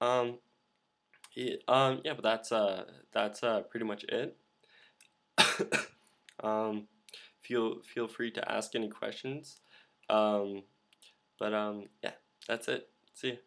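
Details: Male speaker who stutters, with repeated fillers and blocks. He attributes the blocks to his throat closing and says saying 'um'/'uh' is a habit that helps it open: stuttering.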